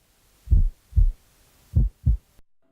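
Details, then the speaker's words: Apical pulse heard with a stethoscope: four heartbeats at uneven intervals, some gaps long and others short; an irregular heart rhythm. "this pulse has an irregular rhythm"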